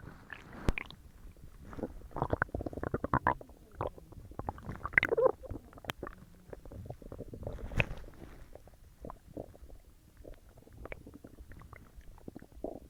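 Irregular gurgling and rumbling from the belly, frequent and loud: active bowel sounds of digestion after a large meal.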